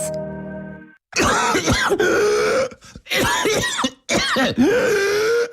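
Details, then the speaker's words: Brief music, then an adult's paroxysmal whooping cough (pertussis) fit in a radio ad: harsh rapid coughing runs with strained indrawn breaths between; adult pertussis causes chronic paroxysmal cough lasting many weeks. "brzmi kształcie to dorosłych krztusiec objawia się przewlekłym napadowym kaszlu który może trwać wiele tygodni"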